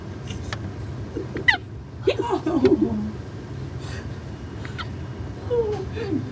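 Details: Hiccups: a few short, abrupt hiccup sounds amid low vehicle rumble and brief voices.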